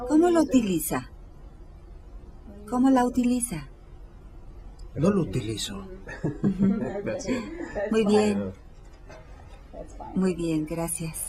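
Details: 58-year-old right-handed woman with logopenic variant primary progressive aphasia, symptom onset 4 years earlier, describing a picture; intermediate fluency, slow but not effortful, occasional phonological errors, no motor speech errors or agrammatism; logopenic variant primary progressive aphasia.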